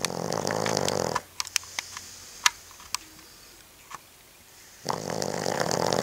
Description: Judge snoring